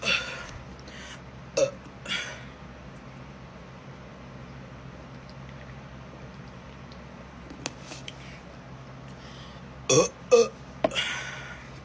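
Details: Woman burping on purpose, producing burps by sucking air into her belly. A few short burps scattered over a steady background hum.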